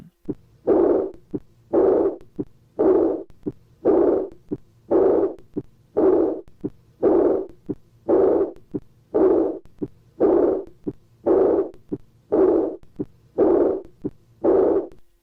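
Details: Aortic regurgitation: high-pitched diastolic murmur, best heard in the second intercostal space to the right of the sternum.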